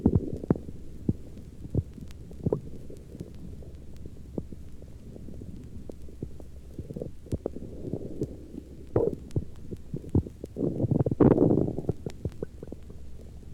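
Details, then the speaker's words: Recorded at the heart apex of a patient hungry late in the afternoon: frequent irregular clicks and soft gurgles with a louder rumbling gurgle near the end; normal, very active bowel sounds. "since it is late in the afternoon and this patient is hungry you can also hear the bowel sounds in this tracing"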